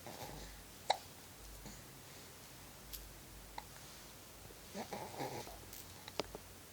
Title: Cutest baby ever gets hiccups